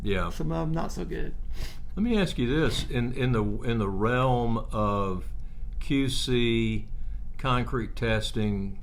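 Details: Adult male speaker; ordinary speech.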